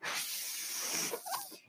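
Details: Mechanical ventilator breath from the speaker's own ventilator, heard during speech: a steady airy hiss lasting about a second, tapering off with faint tonal sounds as a breath is delivered.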